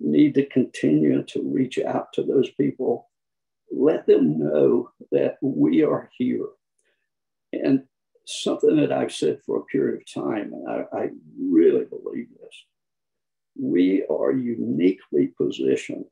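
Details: Adult with spasmodic dysphonia, who counts himself among people with SD; the finding is spasmodic dysphonia.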